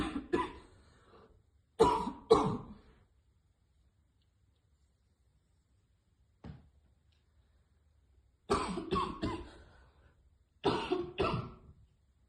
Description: Girl trying to hit vape but always fail and choke on it which cause hard coughing